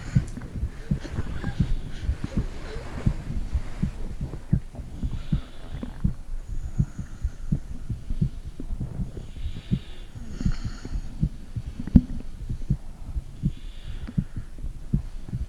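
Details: Phone microphone pressed on a mother's belly: low irregular thumps and rumbles with soft gurgles, bowel sounds.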